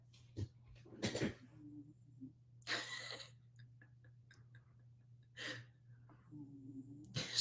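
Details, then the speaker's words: Pet snoring really loudly while asleep: loud rough breathing noises recur every couple of seconds with short tonal rumbles between them, over a low room hum. "really snoring loud"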